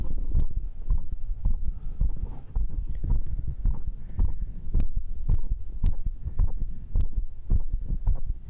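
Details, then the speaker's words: Self-recorded heartbeat via microphone right after a workout round of dips, abs, cross pulls and arm curls, rate stated 122, then 99: fast, steady deep thumps, a normal raised rate after exercise. "45678910 nhịp tim là 122 Nó thật hoàn hảo Được rồi lắng nghe nhịp tim của tôi"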